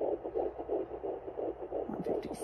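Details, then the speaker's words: Normal fetal heart sounds on a handheld Doppler probe with ultrasound gel on the pregnant patient's abdomen: rapid, regular whooshing pulses at about 157–159 per minute. "यहां हम jelly लगाते हैं और patient के abdomen पर जब लगाकर सुनते हैं तो यह ऐसे साउंड करता है और ऐसे चलता है"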